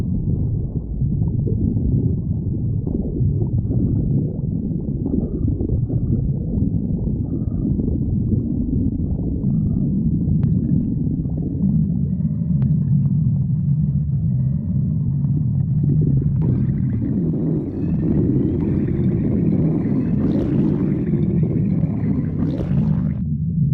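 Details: Stomach growling: continuous low rumbling and gurgling from the abdomen as gas and fluid move through the gut; borborygmi.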